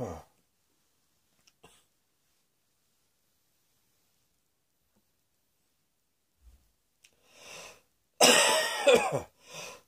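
After long quiet, a burst of harsh coughing with throat noise and shorter trailing coughs near the end.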